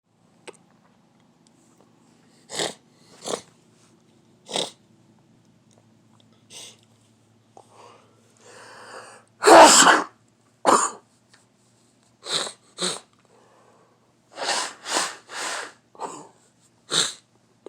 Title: Morning Sneeze